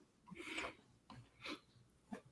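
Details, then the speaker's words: A pet rabbit snoring softly while asleep in a quiet room: faint, raspy, snuffly breath noises. "and for those who can't hear bunny is snoring in the backgound"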